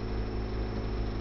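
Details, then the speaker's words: Airsep Freestyle portable oxygen concentrator, very quiet unit, pulse-dose setting at 2 litres per minute; steady low motor hum with faint whine; portable oxygen concentrator running. "this particular unit is very quiet"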